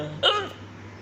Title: Me hiccups